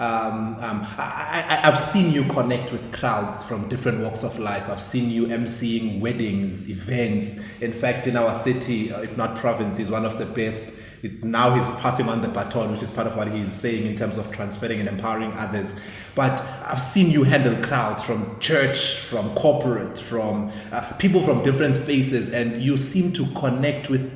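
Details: Adult male speaker; normal speech.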